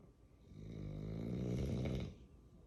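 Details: Small dog (bulldog, tagged as piglet-like) snoring: one long, low, rattling snore on an in-breath. Snoring.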